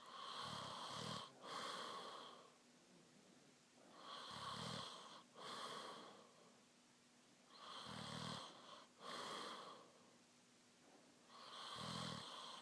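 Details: Adult snoring during sleep: loud, rough, rattling snores on both breathing in and out, about 16 breaths a minute; snoring.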